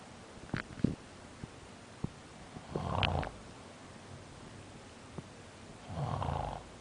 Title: Prague Nov 2005 pt 5 snoring lol